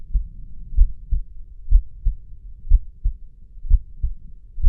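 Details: Steady lub-dub heartbeat at about 62 beats a minute with clear first (S1) and second (S2) sounds: normal heart sounds.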